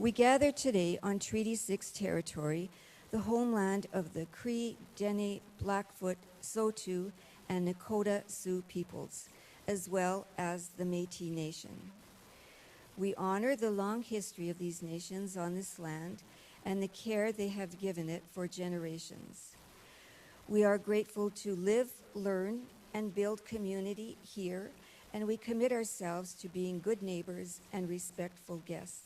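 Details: Adult woman; Normal speech.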